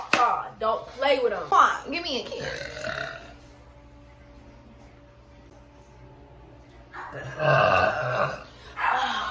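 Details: Deliberate burping: several long, loud voiced belches mixed with talk, then a pause and another burst.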